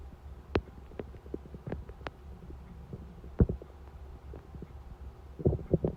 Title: Hungry stomach noises at 4:30 am